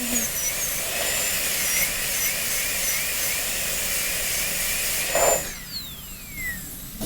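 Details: Steady high-pitched whine of a dental high-speed handpiece cutting a canine PFM crown preparation on a teaching model during student critique, then winding down.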